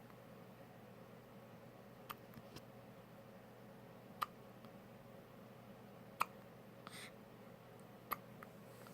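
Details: Newborn baby with hiccups: sharp, brief clicking catches about every two seconds, roughly 30 a minute, in a quiet room.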